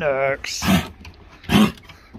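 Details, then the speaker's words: Husky dog with kennel cough: a brief whine, then two harsh, honking cough bursts. "hello you infected one hello you're right hello oh is that the cough"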